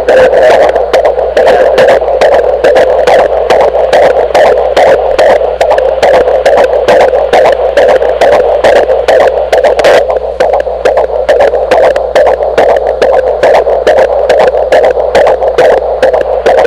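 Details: A first recording of a baby's fetal heartbeat on Doppler: rapid, steady pulsing whoosh at about 140 beats a minute over Doppler hiss.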